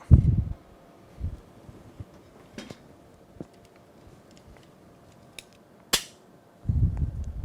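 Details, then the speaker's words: Ultrasound-guided biopsy, sample after repositioning the sampling window across the lesion: a single sharp spring-loaded snap amid soft handling noises as the biopsy needle gun fires; sample then placed in formalin. "la deux prélèvement et je tire et on"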